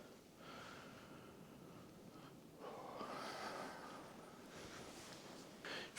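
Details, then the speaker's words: Adult with a starting cold breathes noisily and heavily with a faint whistling tone, a mild wheeze. "can hear me wheezing guys I'm getting a bit of a cold it's like today it's just like I feel like a cold sign"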